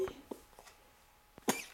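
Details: Young child at home making a few soft baby sounds in a quiet room, then one short, sharp cough near the end; cough.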